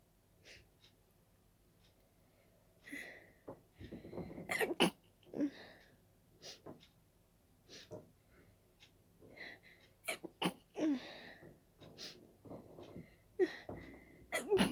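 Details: Sneezing from dust allergy while cleaning: a run of repeated sneezes with sharp in-breaths between them.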